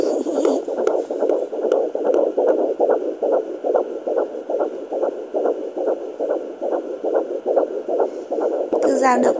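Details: Fetal heartbeat on fetal Doppler at 17 weeks of pregnancy: rapid, regular whooshing at about 140–150 beats a minute.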